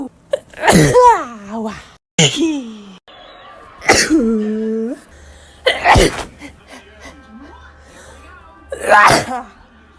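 Five separate sneezes, each a sharp voiced burst after a brief intake, some followed by vocal trailing; occasional background hum.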